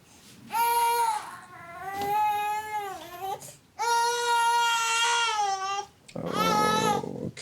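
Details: Loud, sustained wailing cries in three long bouts from a young baby boy with cough, flu-like symptoms and high temperature, struggling to breathe with rib recession and rapid breathing during GP examination; infant crying.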